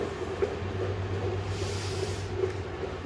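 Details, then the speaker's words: Fetal heartbeat at 20 weeks of pregnancy heard with a jelly-coupled device at a clinic visit: rapid rhythmic whooshing pulses over a low hum, normal fetal heart rate in the 140s. "So that's a normal baby heart rate, like in the 140s."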